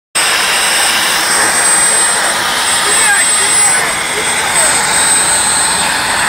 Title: quench of mri system